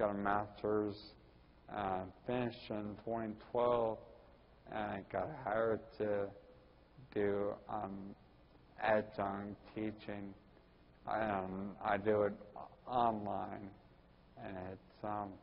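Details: Ataxic dysarthria in a 41-year-old man with Friedreich's ataxia diagnosed at almost 20.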